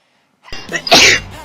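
Short indrawn breath, then one loud explosive sneeze in a quiet room.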